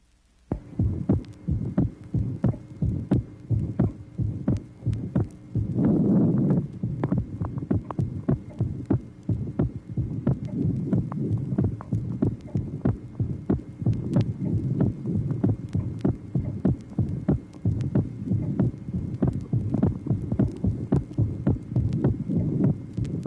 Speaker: tracing number two shows a physiological narrow splitting of the second sound varying with respiration it should be noted that the pulmonary valve closes later than the aortic valve on inspiration